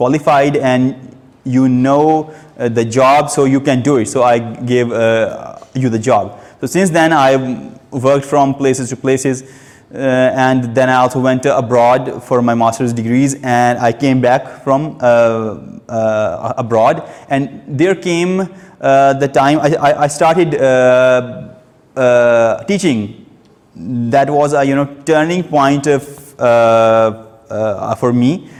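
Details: Stuttering in an adult male who reports stammering since age two, heard while giving a prepared speech at a stammering-support public-speaking session.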